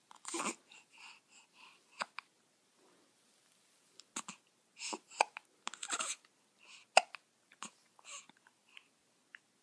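Soft, brief, irregular hiccup-like catches and small vocal sounds from a newborn in a quiet room.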